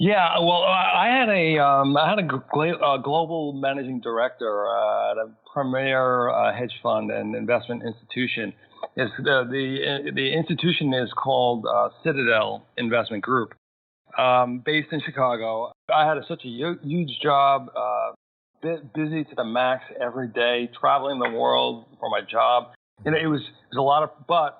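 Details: Adult male, massive stroke at age 41 causing global aphasia, 13 years post-onset, still needs extra time to process sentences and find words: aphasia (mild, residual)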